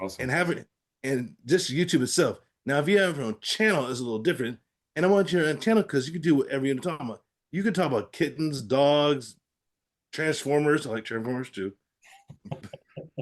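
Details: Aphasia after a stroke in an adult man; finding: aphasia.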